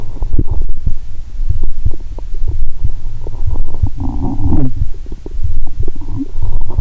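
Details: Loud low rumbling with scattered gurgles and pops over a steady thumping heartbeat, heard well through a stethoscope, lying down after cola with Mentos: active bowel sounds.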